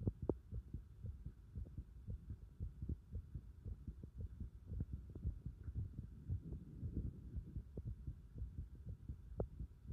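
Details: Heart sounds picked up with pulsation at the pit of the stomach (epigastric): soft, regular, low thumps at about 115 a minute with a faint hum.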